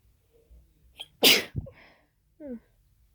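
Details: Single sneeze during a sneezing fit of unknown cause after nasal irritation: a short inward catch of breath, then one loud explosive sneeze with a brief voiced tail.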